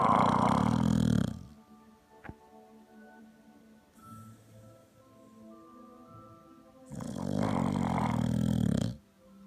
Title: Cute Pitbull snoring !!!!!!